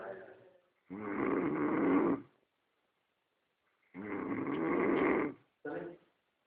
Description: wine,vodka n a liter of milk can cause serious snoring!!!